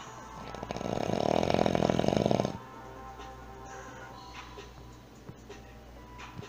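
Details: Snoring loudly, likened to a race track: one loud, rough, rattling snore lasting about two seconds, then quieter breathing with faint background noise; heavy snoring.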